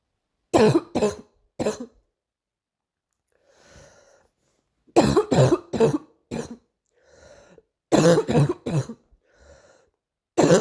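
Three clusters of harsh coughs, about ten in all, with faint breaths between the clusters.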